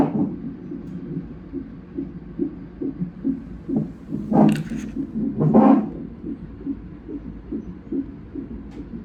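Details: Fetal heartbeat at 37 weeks in a twin pregnancy during a non-stress test: rapid, regular whooshing Doppler pulses; the baby moves and the heartbeat is briefly lost.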